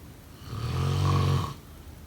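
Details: A single low, rumbling snore lasting about a second on an in-breath; snoring.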